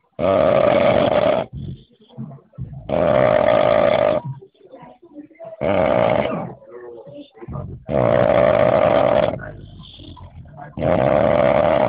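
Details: Loud, harsh rattling snores on each breath, about five in twelve seconds, with quieter breathing between; heavy snoring.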